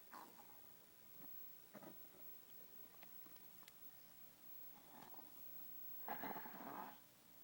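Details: Loud irregular gurgling and rumbling bursts from a resting dog's stomach, borborygmi from gas and fluid moving through the gut.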